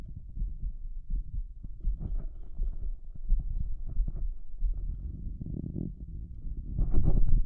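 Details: Shirtless adult male heard through a stethoscope over the heart valves after brief lung listening, with a visible heaving apical impulse; a fast, loud heartbeat with irregular low thumps and some rubbing noise; rapid heartbeat.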